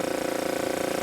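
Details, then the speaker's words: Steady, fairly loud motor hum with fast, even pulsing rattle from a portable oral suction machine just switched on, pulling vacuum through tube, filter and hose into the canister; suction machine running. "so i'm going to turn this on they're kind of noisy so right now it's running it's pulling a vacuum back into the machine through this tube through this filter through the hose and into this"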